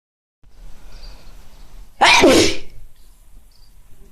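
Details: Sneeze during hay fever: one sudden loud burst of air after faint background noise; a single sneeze.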